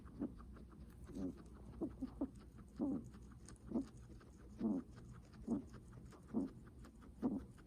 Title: Guinea pig heavy breathing sounds